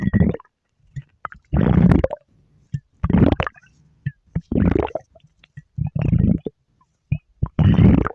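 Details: Repeated low gurgling rumbles in irregular bursts: ordinary stomach growling.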